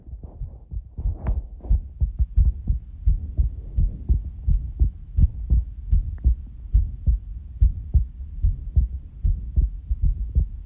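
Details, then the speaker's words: Normal heartbeat recorded by a phone held against the chest: muffled, regular double thumps. "Do you guys want to hear my heartbeat? I recorded it and I sent it to my mom and I was like, look, it's my heartbeat."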